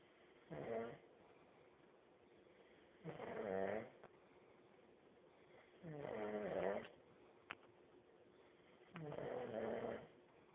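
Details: Man snoring, likened to a chainsaw: four loud, rattling, throaty snores about 3 seconds apart, roughly 20 a minute, with quiet breathing between; heavy snoring.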